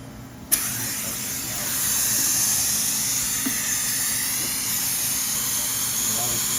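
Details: A click, then a steady, very high-pitched whine with water-spray hiss as a high-speed dental drill with a smaller 012 burr prepares teeth #7 and #8 for porcelain veneers with lingual chamfer margins.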